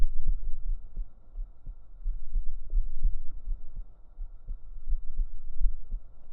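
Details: A real heartbeat recorded up close on the chest with binaural microphones: deep, soft low thumps in a steady rhythm over a faint hum; heartbeat.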